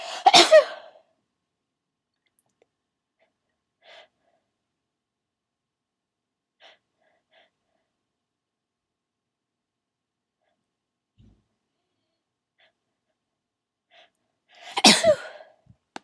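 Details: Sneezing fit with stuck sneezes, person trying to hold sneezes in and later trying to talk: two forceful sneezes about fifteen seconds apart, with faint sniffs and breaths between, in a quiet room.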